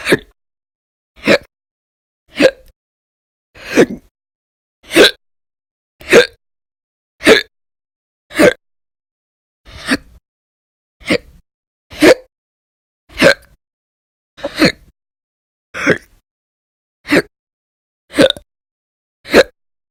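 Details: Audio-only recording of persistent hiccups described as violent and loud, in a January 2020 series after bouts lasting many hours a day in late December 2019: sharp, abrupt hiccups about 52 a minute, fairly steady, silent between.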